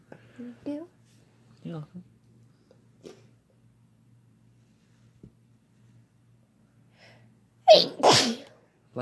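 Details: Quiet brief speech, then a loud two-part sneeze near the end, in a recording of repeated sneezes answered with "bless you" between a man and a woman; an ordinary sneeze.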